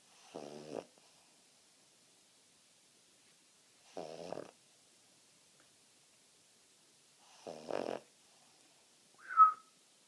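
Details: Three short, buzzy, rattling snores about every 3.5 seconds (about 17 per minute) in a quiet room; snoring during sleep.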